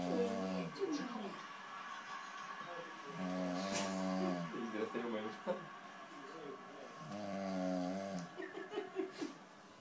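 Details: A person snoring: repeated low, vibrating snores every few seconds, with softer rattling breaths in between and some room noise.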